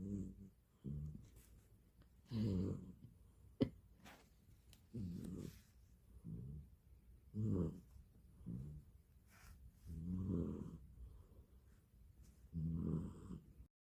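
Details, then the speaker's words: Low, rattling, irregular snores on each breath, about 23 a minute, in a deeply asleep person in a quiet room. "Tulog na tulog. Nahilik pa siya."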